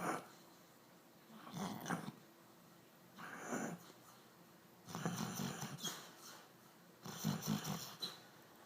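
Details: Snoring: slow, rough, rattling breaths with occasional snorts, repeating about every two seconds, roughly 30 a minute.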